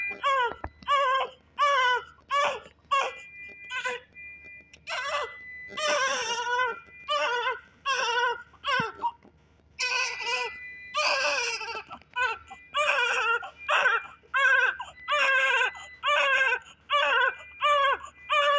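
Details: Newborn baby girl with an extra finger, just after birth in hospital: first cry in strong, rhythmic, high-pitched bursts with quick breaths between, a vigorous first cry.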